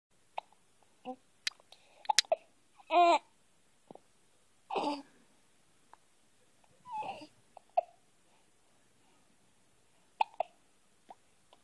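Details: Hiccups: short, abrupt catching sounds recurring among soft vocal noises in a quiet room.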